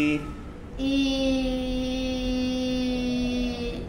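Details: Adult woman with low, hoarse voice starting about two weeks after thyroid lump removal surgery, sustaining vowels after voice therapy; clinician says voice now improved and very good; improved voice after voice therapy.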